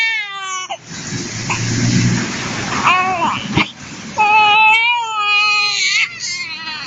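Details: 2-month-old baby girl crying because her father is out of sight: strong, high-pitched wails with brief catches of breath between; an ordinary fussy infant cry.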